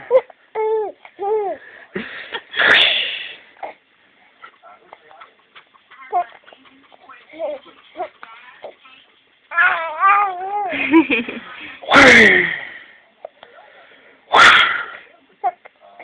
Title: Adorable Cute laughing baby with hiccups